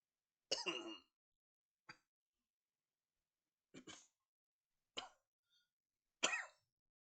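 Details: Tourette syndrome coughing tics in an adult after a stressful workday, a normal tic day, not a tic attack: about six short, abrupt coughs in seven seconds.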